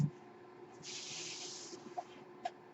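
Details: The speaker's own mechanical ventilator during podcast speech: a steady low hum with one sustained airy hiss of a delivered breath, then faint clicks.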